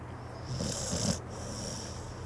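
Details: A sleeping pit bull gives one rough, rattling snore on the in-breath, followed by quieter hissing breathing; snoring.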